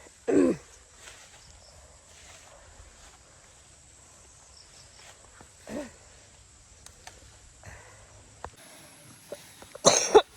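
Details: Adult outdoors gathering fern vegetables, with a severe cough that won't go away despite many medicines: two sharp coughs, one at the start and one at the end, with faint ones between; persistent cough.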